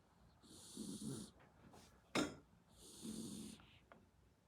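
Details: Elderly pet cat snoring while asleep next to its owner: rhythmic, rasping, whistly snores on each breath with a sharp snort in between, described as louder than a person's snoring.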